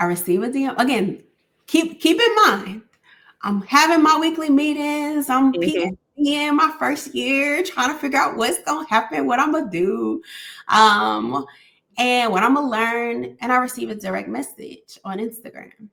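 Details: Adult woman speaking; ordinary speech.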